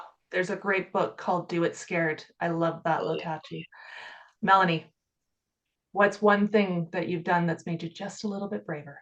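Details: Adult woman speaking, panel discussion; ordinary speech.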